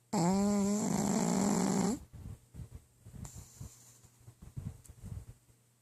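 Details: A sleeping pug snoring.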